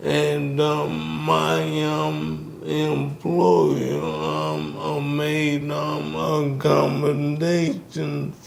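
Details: Man with ALS, diagnosed 2020, symptoms since 2017, onset affecting speech starting with a raspy voice; wife says he can speak but with a little delay; dysarthria (ALS).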